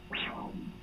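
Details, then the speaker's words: Continuous-wave Doppler of an artery in the leg of a fairly normal patient: a sharp, high-pitched whoosh that falls away, then a softer low rebound; a normal triphasic arterial waveform. "i didn't adjust the size i just changed my window a little bit and i got a nice triphasic waveform"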